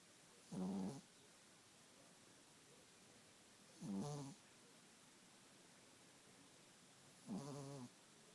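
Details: Teacup poodle snoring in bed; three voiced, rattling snores at regular intervals, about 18 a minute, against quiet room noise; snoring.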